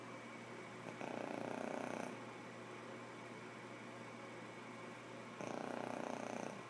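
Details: Two long, soft, rough breaths about four seconds apart over room hum, recorded while sleeping and apparently dreaming; snoring.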